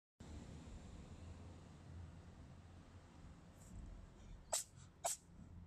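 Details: Cat sneezing: two quick, sharp sneezes over quiet room noise.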